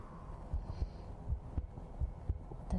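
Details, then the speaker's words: Streamer's own heartbeat, recorded for ASMR through a sensitive 3Dio FS Pro 2 binaural microphone: faint, regular low thuds under steady room hiss; normal resting heartbeat. "Note to self, don't drink things when you're doing heartbeat ASMR. you'll hear things you don't want to hear. But yeah, because the mic is so sensitive, it's meant to emulate being in the actual room with me."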